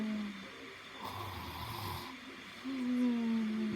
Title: Loud happy snores 6